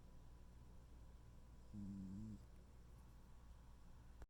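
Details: One soft, brief, low humming snore from a peacefully sleeping tuxedo cat over steady quiet room noise; snoring.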